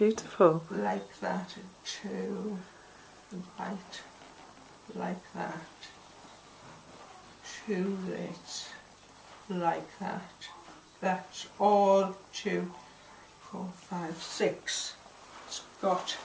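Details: Woman with aphasia after a stroke about 3 years earlier, with difficulty getting words out and understanding; aphasia.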